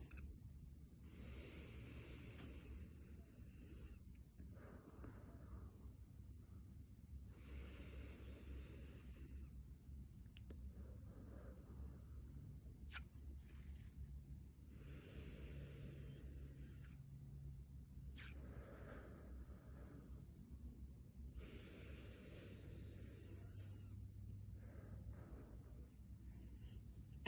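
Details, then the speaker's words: Adolescent breathing through the mouth with hands on the opposite shoulders; stethoscope on the back at the 3rd–4th intercostal space: steady, even breath sounds with a soft rush on inspiration and expiration; normal bronchovesicular breath sounds. "procedemos al ruido bronco vehicular este se encuentra en el tercer o cuarto espacio intercostal y se origina en grandes bronquios"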